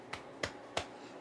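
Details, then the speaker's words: A girl with Tourette syndrome doing a painful motor tic in which she punches the back of her neck; a self-striking tic. "That one is ridiculously painful, where I punch the back of my neck."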